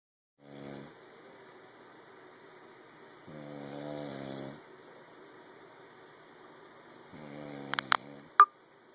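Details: Three voiced, vibrating snores every three to four seconds during sleep, with a few faint clicks near the end; snoring.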